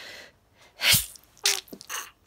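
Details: Trying to stifle a sneeze after feeding the cats: one sharp, partly held-back sneeze followed by two smaller stifled sneezes, a normal sneeze bout.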